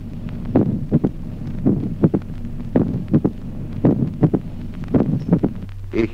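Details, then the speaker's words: Teaching recording: long-interval mitral opening snap in sinus rhythm, a sharp early diastolic click after the second heart sound, with a regular rate near 55 per minute. "ejemplo 14to chasquido de apertura mitral de Gran intervalo con ritmo"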